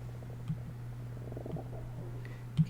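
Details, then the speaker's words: Low, soft gurgling rumble with a few faint clicks over a steady mains hum, heard during an adult's live lecture: stomach growling. "hear my stomach growling"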